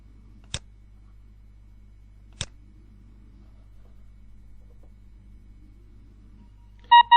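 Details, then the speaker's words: Breas Vivo ventilator alarm relayed through Vivo PC remote monitoring software and heard via the computer speakers: quiet room with two faint clicks, then a loud tonal alarm beep starting near the end. "an alarm occurs on one of the ventilators it will be shown in the small window and if selected also on the central monitoring station [Laughter] as you can hear the alarm sound will also be heard by the speakers"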